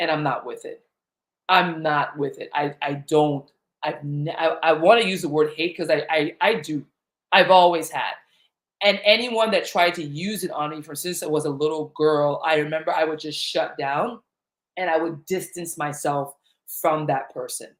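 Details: Adult woman who stutters, with repetitions in live talk; the stutter developed around age eight during a long period of fear and anxiety, after which she stopped speaking in public.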